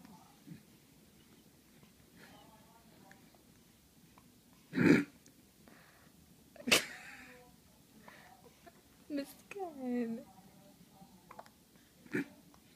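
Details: Infant hiccups: three sharp, abrupt catches spaced irregularly among soft infant coos and fussing in a quiet room.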